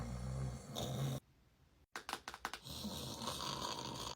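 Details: Acted snoring in a comedy sketch about someone snoring in class: a loud, low, rattling snore, a brief silence, then several sharp knocks.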